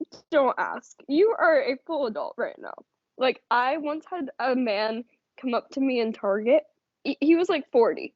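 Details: Adult woman speaking; Conversational speech.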